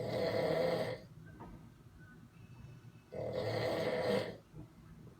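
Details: Two loud, harsh rattling breaths about three seconds apart, with quiet pauses between, from a sleeping man: heavy snoring.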